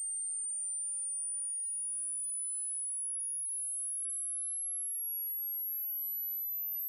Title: Hearing Test